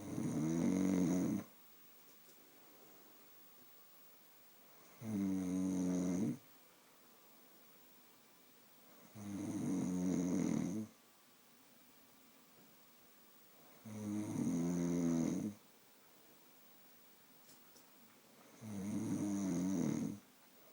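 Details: Mother snoring: loud, rattling snores on each breath in, about 13 a minute, separated by quiet pauses; regular snoring.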